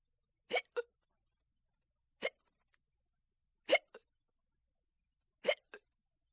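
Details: Sharp, abrupt vocal catches recurring about every one and a half seconds, several followed by a quick second click: hiccups.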